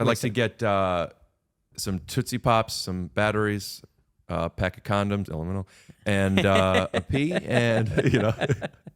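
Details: Adult man speaking; ordinary speech.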